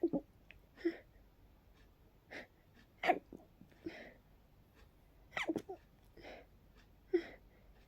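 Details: Rapid series of about seven short, sharp sneezes with brief catch-breaths between them, so fast the sneezer could barely catch breath; sneezing fit blamed on pollen.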